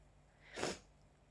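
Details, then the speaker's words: A person with allergies and an itchy mouth gives one sharp, forceful sneeze in a quiet room, part of an ongoing allergic sneezing fit; sneezing. "I'm still not done. I can feel more."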